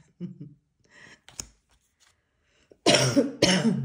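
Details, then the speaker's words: Person with COVID for about ten days, constant coughing and partly lost voice: two harsh, forceful coughs after quiet throat noises; dry, irritated cough. "allez peut-être pas trop vous en rendre compte mais bon là je n'en pouvais plus je n'arrêtais pas de tousser d'ailleurs j'ai la voix qui est un peu partie euh j'ai la covid depuis une dizaine de jours mais ça ne part pas aussi facilement que ça"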